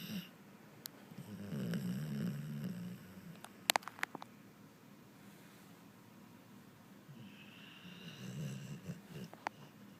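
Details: Pit bull sleeping on the owner's leg: two long rattling snores about six seconds apart with a few sharp clicks between.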